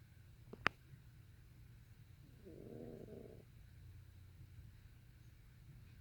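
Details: Faint snoring, requiring close listening.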